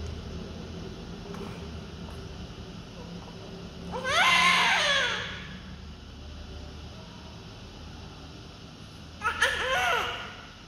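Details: Healthy newborn crying loudly, two strong high-pitched cries over steady room hum, being cared for by a doctor.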